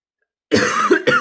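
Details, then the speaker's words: Adult woman, coughing every few seconds while recording, gives two short, harsh coughs in quick succession after a brief silence: repeated dry cough. "parce que ça doit pas être agréable pour vous de m'entendre tousser toutes les de secondes"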